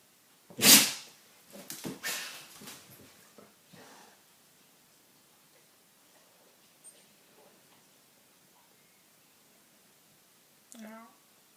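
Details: A loud, sharp sneeze that scares an English toy terrier playing with a Labrador, followed by rustling, quiet and a short dog whine.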